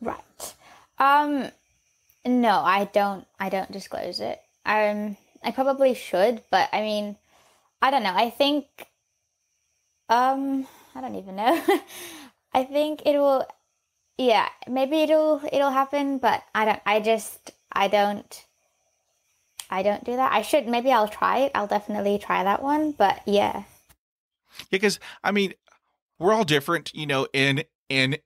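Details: 15-year-old female who has stuttered since age 3; stuttering.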